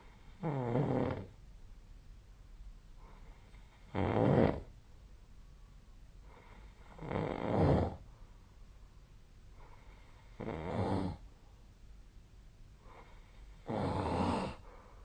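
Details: Snoring during sleep recorded with the SnoreLab snoring app: regular low, rumbling snores on each breath, about 14 per minute, with quiet gaps between.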